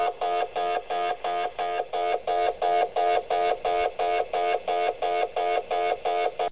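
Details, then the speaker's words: Rapid, regular electronic buzzing pulses, about three per second, from an MRI scanner running an imaging sequence, which lasts 2–5 minutes or more after a 1–2 second preparation sound. "y pasaríamos al segundo ruido que es la propia secuencia y este sí que es más largo puede durar entre 2 y 5 minutos incluso a veces más"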